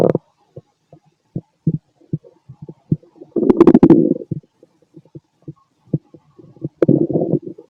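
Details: Fit male after a bowel movement: scattered gurgles and clicks with two longer rumbling bursts; ordinary bowel sounds (borborygmi).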